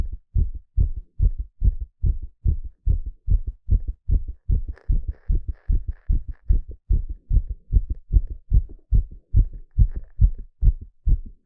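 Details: Rapid heartbeat during an ECG exercise stress test: fast, regular beats at about 145 per minute.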